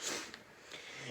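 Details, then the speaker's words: Brief hissing nasal sniffs from an adult with nasal congestion from seasonal spring allergies. The speaker says they are congested for 2–3 hours every morning. "Gosh, I've had some serious allergies since spring came along. I've got so many flowers and different plants blooming out there. It's like every morning I end up being congested for like 2 or 3 hours. So, sorry about the coughs."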